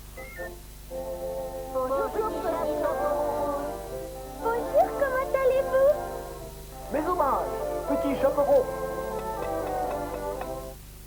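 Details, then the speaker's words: Simulation of what a person with mild hearing loss hears: film dialogue sounding muffled, with dulled high tones; mild hearing loss simulation. "Voici ce qu'entend un sourd léger."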